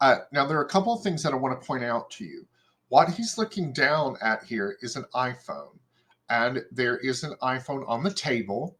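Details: Adult male presenter; typical speech.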